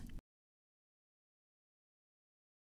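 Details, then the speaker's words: Simulation of how sound reached a toddler with severe bilateral sensorineural hearing loss, diagnosed around his first birthday, before his cochlear implant: a brief muffled low rumble, then silence. "Toddlers love making noise. But just three months ago, Mason Henock's world sounded like"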